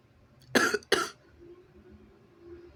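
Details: A double sneeze deliberately induced by tickling the nose with paper tissue: two quick, explosive bursts through the nose and mouth.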